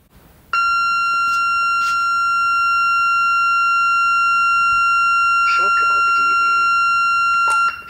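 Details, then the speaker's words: Corpuls3 defibrillator in AED mode, demonstration: loud continuous high electronic tone with brief speech underneath, alert that the charged shock can now be delivered by holding the Shock key. "Next, you will be notified that the shock can now be delivered. Do this by holding down the Shock key until the shock is delivered."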